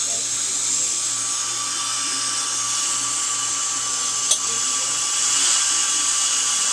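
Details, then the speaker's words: Dental drill during a bonded white (tooth-colored resin) filling, the last of the drilling before irrigation and a check for further decay: a steady high-pitched whine with a brief click partway through. "Okay, and this will be the last of the drilling. Very nice."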